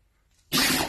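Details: A dog sneezing indoors: a single sudden, hissy burst of air after a brief quiet pause.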